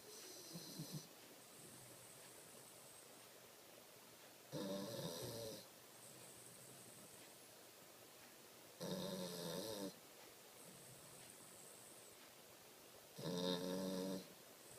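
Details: Rhythmic rattling snores about every four seconds, roughly 14 a minute, with quiet breathing between them over low room noise: snoring.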